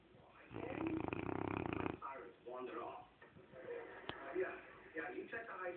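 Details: A sleeping Cane Corso dog giving a long rumbling snore, then softer snuffling breaths in a quiet room; snoring.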